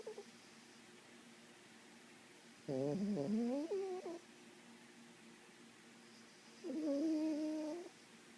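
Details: Sleeping cat snoring again in a quiet room: two drawn-out, buzzing snores a few seconds apart, about fifteen per minute.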